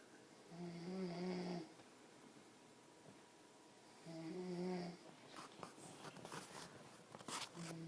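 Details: An adult man snoring, recorded in 2011: two low, buzzing, droning snores on breathing in, about four seconds apart, with some rustling afterward.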